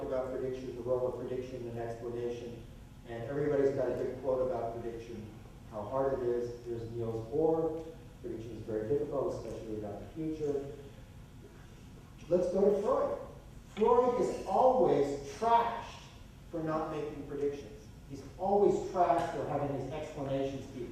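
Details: Adult man lecturing; normal adult male speech.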